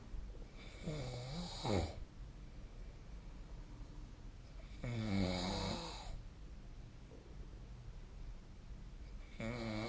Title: 🐽 いびきの音 / Snoring Sleep Sound 2025/05/24